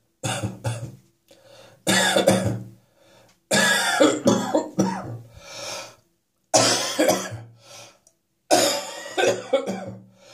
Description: My chest infection is on the way out now, but it has left me with plenty of catarrh in the mornings.